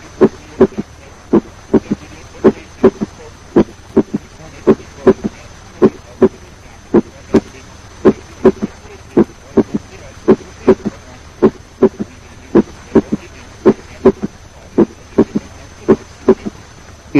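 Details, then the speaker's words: Third heart sound: low-pitched early diastolic sound about 150 ms after S2, from rapid ventricular filling, best heard with stethoscope bell at the apex, patient in left lateral position. "It occurs about 150 milliseconds after the second heart sound and is best heard with the bell of the stethoscope at the apex with the patient in left lateral position."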